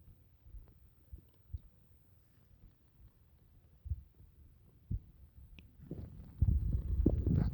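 Scattered soft low gurgles and pops build into a louder rolling rumble at the end: ordinary stomach growling after a meal.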